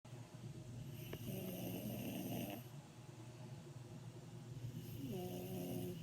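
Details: Really loud snoring in a sleeping woman: a rough, rattling snore on an in-breath, with a second snore starting near the end, over steady room noise.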